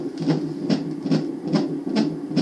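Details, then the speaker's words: Angelsounds handheld fetal Doppler, probe pressed hard on the abdomen: rapid, regular whooshing fetal heartbeat pulses, about 140 beats a minute. "so I'm definitely applying some pressure you can't really see the uh transmitter so I'm pressing pretty hard but if you don't press hard you're barely going to hear it"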